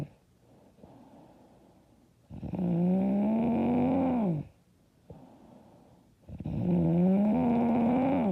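Loud, droning snores on each breath in, about 15 a minute, with softer breaths out between them.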